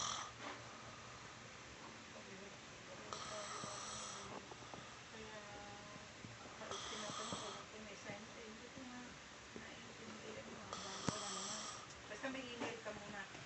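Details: Sleeping man, sick at the time, snoring: soft, rhythmic rasping snores with a faint whistly edge on some breaths over quiet room noise.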